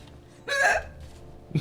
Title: Cute, Strong and Loud hiccups | Attack Hiccups